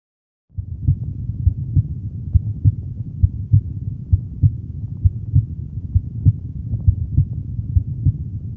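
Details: Healthy person, stethoscope at the second left intercostal space beside the sternum (pulmonary valve area): regular low heart sounds near 67 a minute, second sound louder than the first: normal heart sounds.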